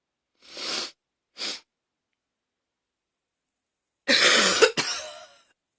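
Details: Persistent coughing fit the person says they can't stop: two short breathy coughs, then a longer harsh cough burst.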